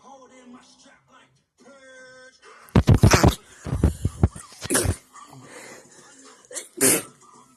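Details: Repeated sneezing by a female after nose kisses and licking inside her nostrils: soft whines, then a run of sharp, explosive nasal bursts in quick succession.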